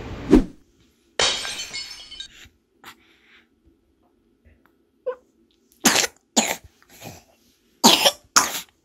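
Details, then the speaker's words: A 14-month-old baby girl with her first common cold coughs: about six short, harsh coughs in two bursts separated by quiet pauses. "KJ: Bạn ổn chứ? * Tôi nghĩ đang gặp khó khăn vì cảm lạnh."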